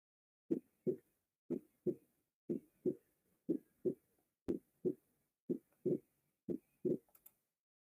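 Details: Regular paired heart sounds at about 60 a minute in cardiovascular auscultation teaching, with the second sound showing a split that varies with breathing: paradoxical splitting of S2.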